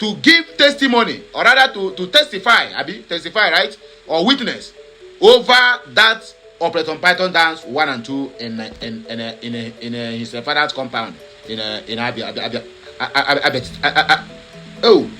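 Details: Stuttering in a male speaker who says he sometimes stammers but hides it; word repetitions are audible.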